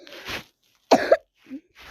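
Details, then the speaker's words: Person with fever and repeated coughing, coughing while ill. "Hari ini saya buat video sebab saya itu demam, itu batuk-batuk."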